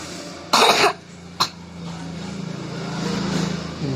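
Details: Two short, sharp coughs from a 6-year-old child with cough attributed to eating too much chocolate candy, during cupping (bekam) treatment; vehicle noise in background.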